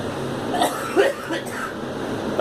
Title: Girl coughing